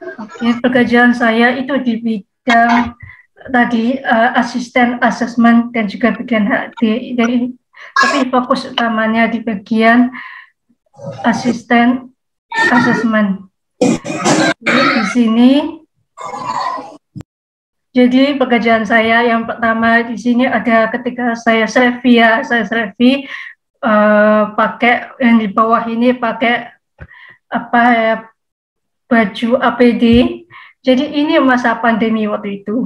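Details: Speech of a 27-year-old woman with profound hearing loss (100 dB left, 110 dB right) who received a cochlear implant at age 3 and auditory-verbal therapy; she says her speech became less clear when she stopped practising.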